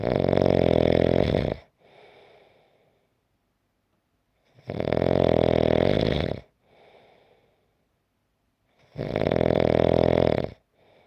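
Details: Loud, rough inhaled snores about every four seconds, each followed by a softer outbreath and a short silence; from a 5-minute snoring clip.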